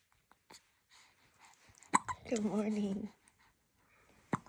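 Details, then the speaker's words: Newborn baby girl with hiccups: two sharp, sudden gulping catches with a short fussy cry between them in a quiet room. "no you don't like the hiccups on Mama you're trying to be happy but man how do I do that with the hiccups how do I do that"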